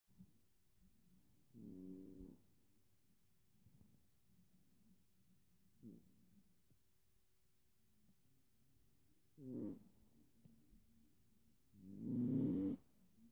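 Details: A sleeping cat snores loudly, four short snoring sounds over about 13 seconds, against faint steady purring; cat snoring.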